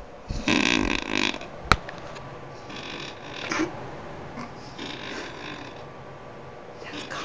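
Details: A woman snoring loudly enough that she sleeps in her own room: loud, rasping snores on in-breaths, two or three cycles with quieter breaths between.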